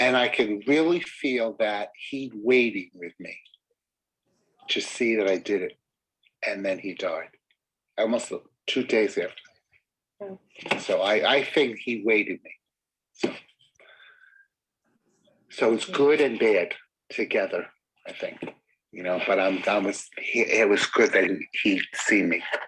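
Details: Real mild aphasia in a man whose speech is followable but choppy, with word-finding difficulty and circumlocution; finding: mild aphasia with circumlocution.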